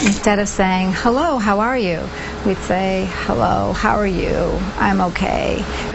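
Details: News reporter deliberately demonstrating vocal fry, contrasting a normal greeting with a fried version; acted vocal fry (glottal fry).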